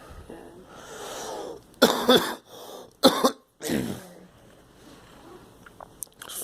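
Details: Girl: about five harsh coughs in three quick clusters, with noisy breaths drawn in between, in a quiet room; cough.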